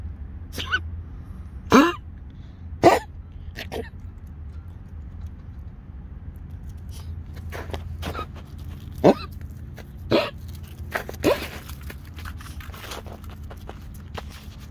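A dog gives several short, harsh coughs in scattered bursts over a steady low background hum.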